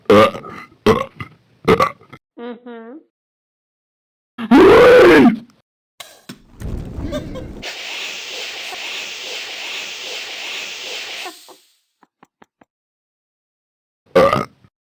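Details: Repeated belching: several short burps and one long, loud burp, with other noise in between.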